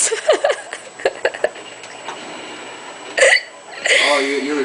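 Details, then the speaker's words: Person being filmed hiccuping while talking, with several short, sharp hiccups and brief vocal catches, then talking and laughter; hiccups. "Videoing me and like, what is that? You videoing me? I'm freaking hiccuping."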